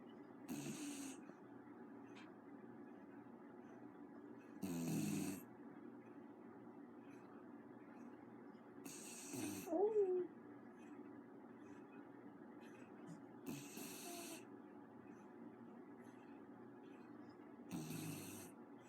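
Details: Dog snoring in sleep: slow, rattling snores about every four seconds, roughly 13 a minute, over a quiet room hum.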